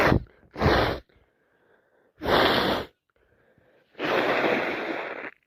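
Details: Adult with a cold gives three or four loud, sharp sneezes with quiet gaps between them; repeated sneezing.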